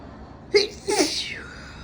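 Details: A single loud two-part sneeze from an adult man with COVID, a sharp inhaled catch then a forceful explosive burst; sneezing during COVID infection.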